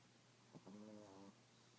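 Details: Chihuahua snoring again while asleep: a single short snort followed by a soft, buzzing breath sound.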